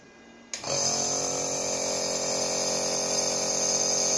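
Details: A click, then a steady high-pitched electronic whine with faint hiss as a MEYOU B 11 nebulizer is switched on, with medicine liquid in the cup, and makes mist: nebulizer running.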